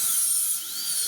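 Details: Dental drill during a child's pulpectomy: high-pitched whine of the drill running, with a small drop in pitch partway through, while the child is coached to keep the mouth open.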